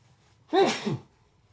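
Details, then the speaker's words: Adult sneeze in cold weather: a single sudden voiced burst with falling pitch, over a quiet room. "excuse me uh excuse me for sneezing it's getting a little bit cold here in Vancouver right now"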